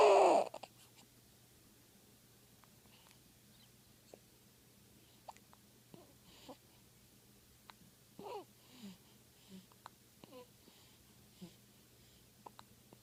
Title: Baby hiccups